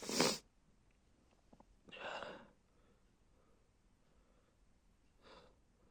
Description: I had to stifle these but I felt good after releasing those sneezes